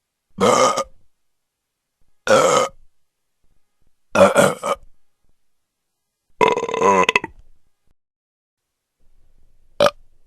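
Five separate deep, gurgling belches, spaced a few seconds apart, from a sound-effect recording.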